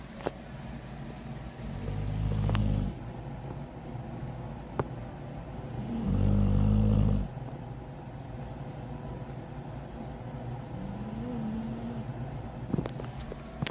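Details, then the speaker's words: Two low, rumbling snores a few seconds apart from a sleeper near a livestreamer, who moved the phone closer, heard faintly over quiet room noise: snoring. "Oh, by the way, if you hear like snoring, that's lady."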